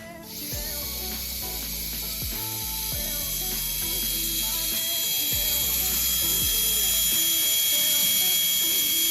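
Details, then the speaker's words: Steady high-pitched hiss and whine with mechanical clicking from a dental high-speed handpiece. During chairside cleaning and lubrication it is run for up to 30 seconds after lubricant spray until it runs dry. "At this point, you're to plug the high-speed handpiece back into the attachment and run for up to 30 seconds until it runs dry, as such."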